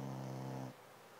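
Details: Sleeping dog gives a single low, buzzing snore under a second, then quiet; snoring.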